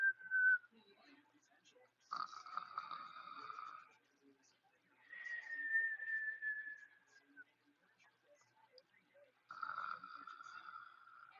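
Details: Whistling snore during sleep: high, thin whistling tones with each breath, some steady and one gliding downward, separated by quiet gaps.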